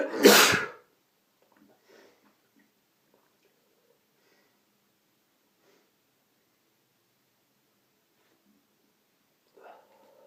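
One loud, explosive sneeze at the start, then a quiet room with faint stirring; an allergy sneeze.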